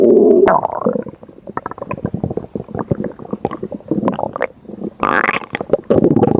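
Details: Loud rapid gurgling and bubbling with long rising groans at the start and near the end: ordinary stomach growling (borborygmi).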